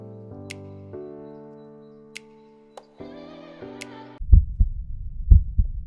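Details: Real recording of normal heart sounds: after a short musical intro, clear lub-dub heartbeats at about 60 a minute.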